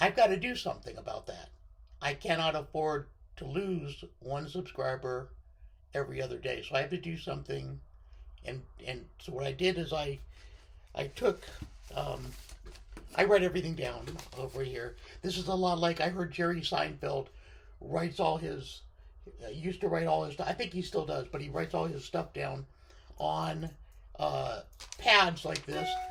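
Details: Unilateral left-sided vocal fold paralysis in a male speaker after partial left lung removal (lobectomy), limiting voice control; a thoracic surgeon recognised the paralysis from his voice.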